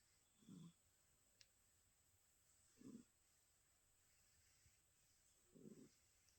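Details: Pet dozing with eyes open, asleep while waiting: three low, rumbling snorts spaced a couple of seconds apart in a quiet room; snoring.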